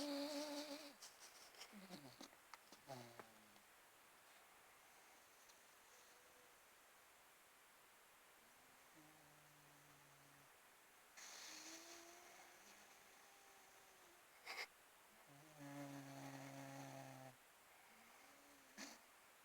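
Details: Snoring during sleep: soft, tonal, humming snores recur every few seconds in a quiet room, with a steady, slow breathing rhythm.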